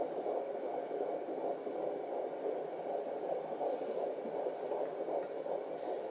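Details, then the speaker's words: Home Doppler at about 15 weeks of pregnancy. Fast, whooshing pulsing read at 142 beats per minute. Fetal heartbeat. "Pretty cool, you can just listen to that whenever you want. You can find it. This is 142 that time."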